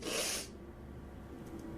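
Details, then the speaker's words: Person who cannot stop sneezing and suspects fuzz in the nose, giving one loud, sharp, half-second burst of noisy air followed by quiet room noise: a single sneeze. "I'm sorry. I cannot stop sneezing."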